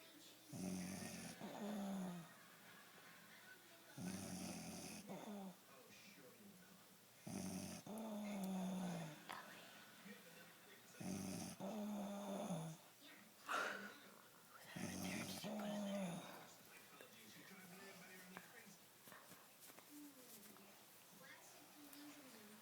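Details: Snoring in a sleeping stepmother: loud, rough snores about every four seconds, roughly 16 breaths a minute, with quiet gaps between them.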